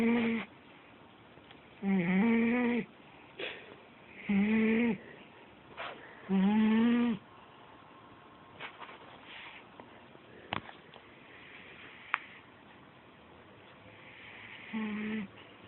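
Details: Overweight cat, asleep and probably dreaming: loud, buzzy snores recurring about every two to three seconds, roughly 25 a minute, with quiet gaps between; snoring.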